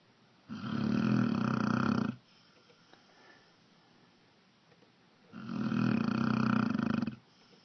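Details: Tan-brown dog snoring in the dark: two long, low, rattling snores on inhaling, about 5 seconds apart, with quiet exhalations between.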